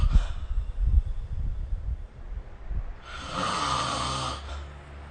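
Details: Snoring during sleep, recorded with the SnoreLab snoring app: a low, rough, rattling snore lasting a few seconds, then a long airy breath out with a faint whistle.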